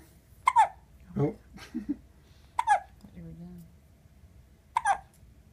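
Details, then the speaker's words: Baby with hiccups: three sharp, abrupt hiccups a couple of seconds apart, with soft baby vocal sounds in between; ordinary hiccups. "Hey, pumpkins. You got the hiccups? So cute."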